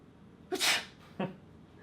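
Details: One sharp, hissing sneeze burst followed by a short, softer catch of breath in a quiet room, from a person who says they are not contagious; sneezing.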